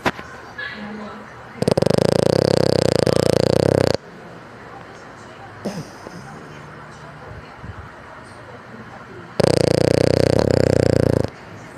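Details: French Bulldog snoring: two long, loud, rumbling snores on breathing in, with quieter breathing between them; noisy flat-faced dog snoring.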